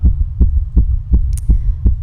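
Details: Female heartbeat, described as fast and skipping: rapid, evenly spaced low thumps at about 165 beats a minute with a brief faint high chirp, and no evident skipped beat here; tachycardia.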